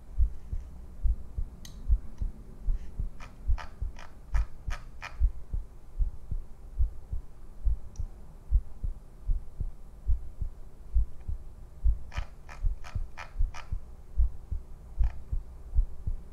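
Regular low thumping heartbeat, about 70 beats a minute, with occasional sharp clicking noises over it.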